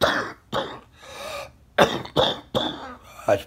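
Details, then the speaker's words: Six harsh, rough coughs in quick bursts with throat clearing from a person ill for over a week with congestion, taking medicine, fearing COVID; congested-sounding repeated cough. "i went to the store today but i bought some medicine and uh i was hoping it would break up the congestion but i always need to cough and it's really hard to sleep"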